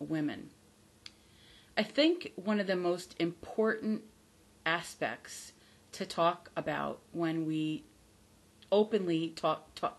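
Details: Adult woman who stutters, not recovered from stuttering and says her stutter is audible; stuttering.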